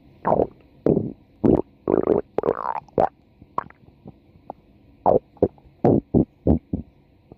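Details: Female's stomach growling (borborygmi): loud, close gurgles and squelching rumbles in irregular short bursts, about a dozen in seven seconds.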